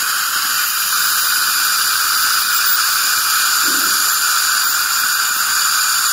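Steady high-pitched hiss and whine of an ultrasonic dental scaler with water spray during cleaning of tartar from teeth.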